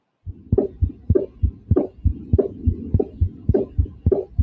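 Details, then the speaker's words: Heart sounds of a child: regular paired lub-dub sounds at about 100 beats a minute, faster than an adult's; normal child heart sounds. "here's a children's heart rate notice how much faster it"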